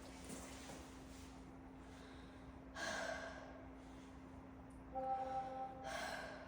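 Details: Stethoscope auscultation of a 12-year-old boy's chest while he sits up straight and breathes through his mouth harder than normal, during a nursing respiratory assessment; normal breath sounds.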